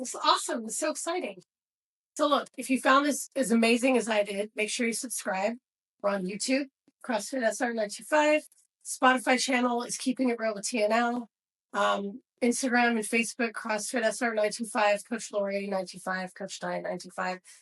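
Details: Adult woman speaking; normal speech.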